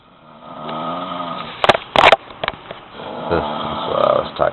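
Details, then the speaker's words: Loud, rough, growling snoring on two breaths with short snorting bursts between, described as "demon snores" that sometimes get much worse. "about the demon snores. Sometimes they get worse, like really, really worse."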